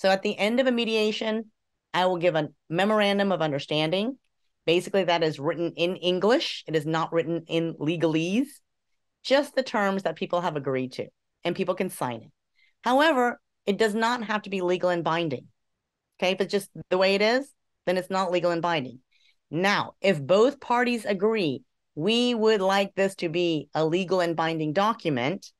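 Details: Adult speaker; normal speech.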